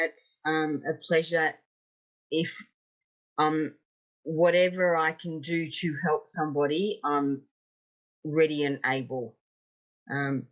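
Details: 56-year-old woman with aphasia after two strokes, an ischaemic stroke 10 years earlier and a later TIA; real, not acted; aphasia.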